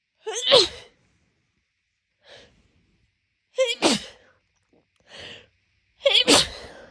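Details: Three forceful, congested, wet-sounding sneezes, each preceded by a sharp indrawn breath, on waking before morning medication, in a person with a month of daily morning congestion from seasonal allergies; allergic rhinitis sneezing.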